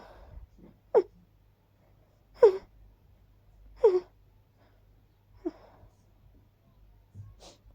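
Series of five quiet, quick sneezes about every one and a half seconds in a quiet room.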